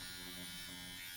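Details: Dr. Pen electric microneedling pen at 0.75 mm depth, speed level two, run over chest and collarbone area, home use; steady high-pitched electric buzz across skin.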